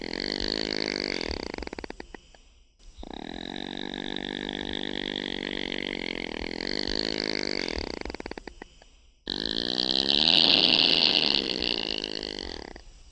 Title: Opossum sounds | How does an opossum snore